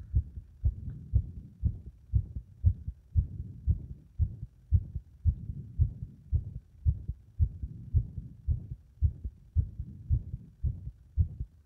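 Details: Rapid heartbeat near 113 a minute with somewhat uneven spacing and loudness: the heart becomes unstable and irregular under compression.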